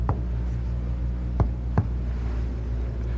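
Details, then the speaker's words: Three hollow percussion taps down the posterior chest wall, from apices to bases, over a steady low hum during a lung examination; a resonant note, normal over healthy lung. "normal lungs are resonant locate any areas where you hear abnormal notes"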